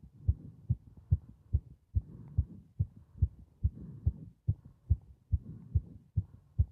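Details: Strong, regular double thumps at about 140 a minute with soft breathing noise between them, recorded while breathing into a bag; fast heartbeat.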